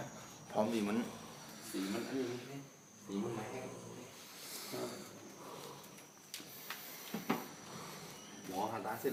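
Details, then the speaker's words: Loud, irregular, throaty snores in overlapping bursts from more than one sleeper, with faint room noise: heavy snoring. "โอเคครับสวัสดีครับตอนนี้เกิดสงครามกันนะครับสงครามแห่งนี้[__]โคตรนอนกรนเลยตอนนี้ดูครับดูอยู่ครับ"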